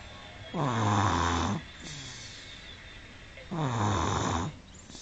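Two loud, buzzing inhaled snores about three seconds apart, with quieter breathing between; snoring in a young child.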